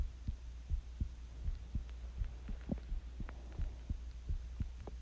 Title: My Heartbeat Sounds While Being Sick With The Flu Hugs To You